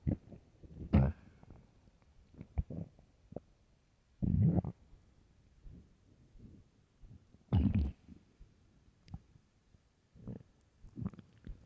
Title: empty stomach growls